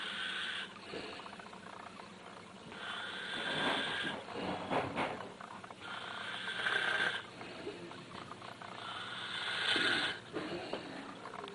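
Rough, rattling snores on each breath in, about 20 a minute, with quieter gaps between them.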